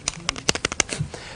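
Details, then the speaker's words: Series of sharp, dry clicks as a patient bends a replaced knee; the plastic and metal components clicking is normal function after knee replacement. "that's what happens when you're bending your knee the plastic and the metal click that's the way it's supposed to function"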